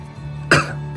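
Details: A single short, sharp cough from an adult K-pop idol over steady background music.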